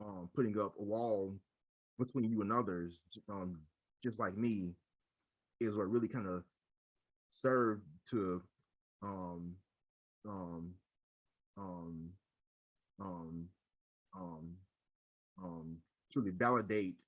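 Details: Adult man who stutters and leads a local stuttering support chapter; repeated fillers and word repetitions heard; stuttering.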